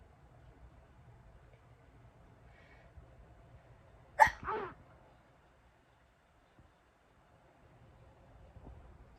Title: How to sneeze nonstop! (Part 13)